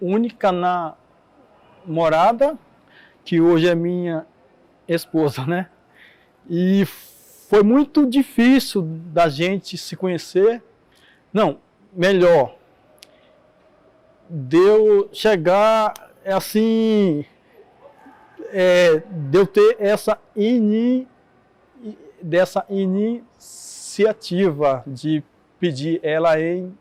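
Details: Adult man who stutters, Portuguese speech, with word repetitions; stuttering.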